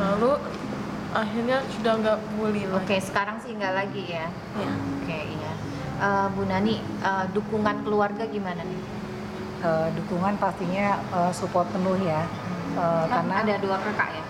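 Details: Adult women, conversational interview; ordinary speech.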